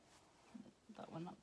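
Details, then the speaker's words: Pet dog snoring while asleep indoors, owner calls him noisy: short, low grunting snorts in a quiet room. "I can hear my dog snoring. He's so noisy."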